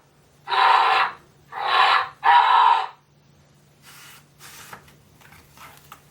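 Three loud, harsh, breathy bursts followed by quieter huffing breaths; a gasping or snorting breath sound from a toy sound book.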